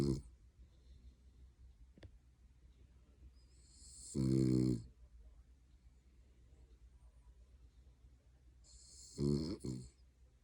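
Two loud, rattling snores about five seconds apart over quiet breathing and low room hum; ordinary snoring in a sleeping dog.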